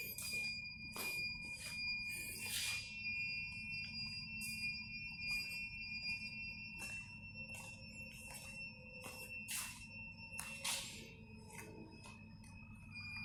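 Steady high electronic tones from an ICU ventilator, with intermittent clicks and a low machine hum.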